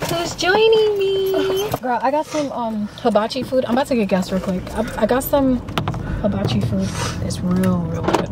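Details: Adult woman speaking, in a car; Unaffected speaker.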